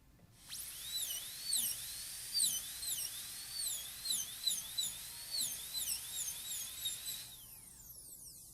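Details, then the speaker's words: High-pitched high-speed dental handpiece whine, pitch dipping and recovering as it deepens axial reduction for a uniform 1-millimeter shoulder during a PFM crown preparation on a maxillary canine of a typodont. "Now we still need to go deeper axially all the way along here, don't we?"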